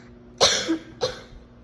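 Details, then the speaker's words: Two short, harsh coughs in quick succession from an adult on day 3 of confirmed COVID-19 in home isolation, with nasal congestion, headache, body aches, insomnia from constant coughing, sleeping propped up; quiet room. "你们听到我的咳嗽声就知道了。对，就是这样，睡不着，一直咳。"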